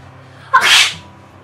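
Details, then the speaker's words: One loud, sudden sneeze while cleaning floors and windows: a sharp intake and explosive burst of air in a quiet room. "was a loud sneeze almost anything that irritates but tickled inside your nose Causes to sneeze like dust pollens flowers pepper and pets"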